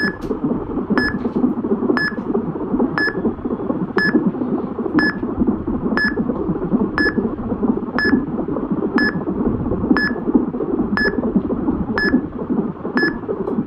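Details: Fetal heart sounds on a Doppler monitor during pregnancy, in a hospital: a fast rhythmic whooshing under steady, once-a-second machine beeps.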